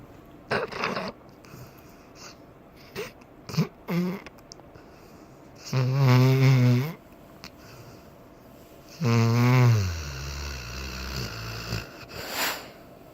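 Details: Slow, irregular low rumbling snores, about 20 a minute, with soft voiced sleep noises and twitching from a dreaming pit bull.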